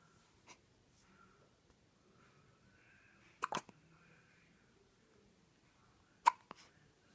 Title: One week old Wideawake an alert with the hiccups